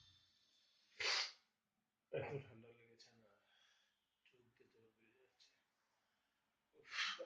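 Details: Two sharp hissing sneezes seconds apart with breathy voiced sounds between, from a person with a sneezing problem.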